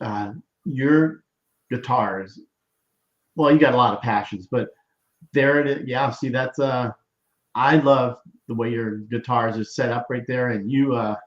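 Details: Adult male; normal speech.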